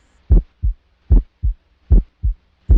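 Regular lub-dub beats at about 75 a minute, clear first and second sounds with silent gaps, a voice starting at the end; normal heart sounds at the mitral area.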